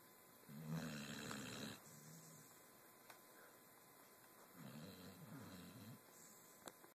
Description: My two year old pitbull snoring, she is so cute